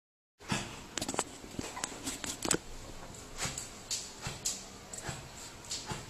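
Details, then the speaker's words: Dog treated for heart failure that the owner reports is still coughing: rapid, noisy, effortful breaths with no cough bursts, showing severe dyspnoea rather than coughing. "so the noise that this dog is making is due to a very severe Disney this is not coughing"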